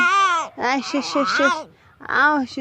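High-pitched, wailing cry sounds in short rising and falling bursts with brief pauses between them: an infant crying.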